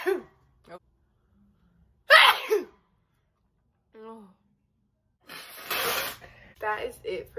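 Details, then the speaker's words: Female gives two forceful sneezes, deliberately made bigger after earlier held-back ones; the second is larger and spray-like, with short breaths and brief vocal sounds between them. "he said that you wanted like a whole back and then like like something more bigger so i'm gonna try and be more bigger with the sneezes"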